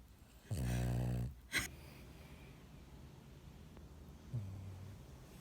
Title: 코 골면서 눈 뜨고 자는 강아지😤 Best snoring dog EVER!!